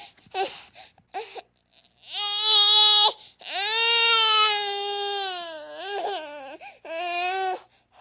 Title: EFEITO SONORO Choro de Bebe BB baby cry